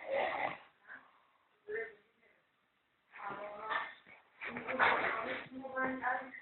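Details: Sleeping man: irregular, rattling snores with gurgling and snorting sounds, broken by short pauses; snoring.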